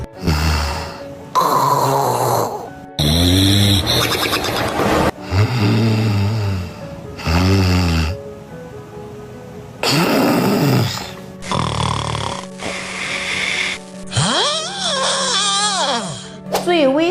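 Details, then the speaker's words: Six types of human snoring played in sequence: low rattling and fluttering snores, then whistling, squeaky snores, with music underneath; types named include apnea-type stop-breathing snoring, pig-like, cow-like and phlegm-rattling snoring. "很多人呢把打呼噜当作睡得香的信号，可有的呼噜是小毛病，有的却要命。先来听听6种打呼噜的声音，再看看你们家的是哪种。"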